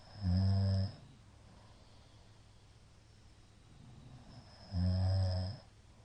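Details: A middle-aged man snoring in sleep: two loud, low, rattling snores about four seconds apart with quiet breathing between. Shallow hypopneas suggest sleep apnea.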